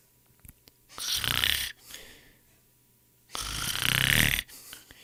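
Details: Snoring, sound-effect recording: two loud, rough, rattling snores on breathing in, with quieter breaths out between.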